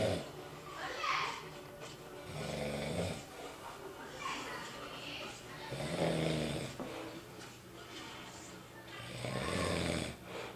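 Repeated low, rumbling snores roughly every three to four seconds over steady room noise; ordinary snoring.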